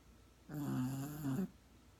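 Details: Chico, a sleeping dog, snoring loud: one drawn-out, buzzing snore lasting about a second in a quiet room.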